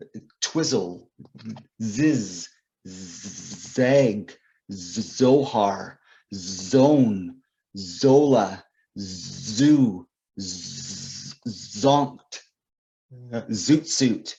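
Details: Adult male poet and author who describes himself as a person who stutters; stuttering.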